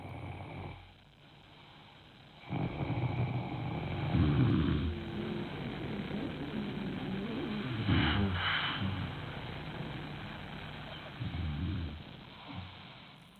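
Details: Restless sleeper with obstructive sleep apnoea: loud, irregular snoring with a brief quiet gap as breathing repeatedly stops.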